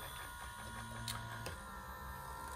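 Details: Homemade disaster ventilator of wood, PVC and electronics, motor-driven compression of a bag-valve-mask with PWM-adjustable rate; steady motor whine, mechanical hum and sharp clicks: improvised mechanical ventilator running.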